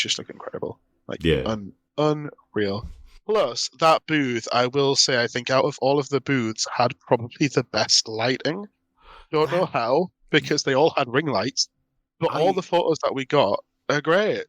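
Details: Adult speaker; Normal voice.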